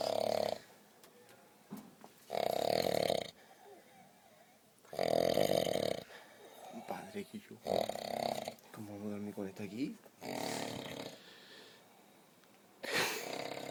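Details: Heavy snoring: loud, rasping snores every two to three seconds, with quiet voices and movement in between.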